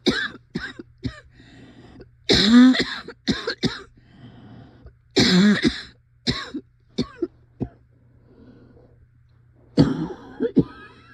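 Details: Adult's severe coughing fit, described as scariest yet: repeated harsh cough clusters with strained, voiced gasps between.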